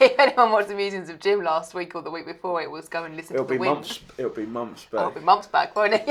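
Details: Adult speaker; normal speech.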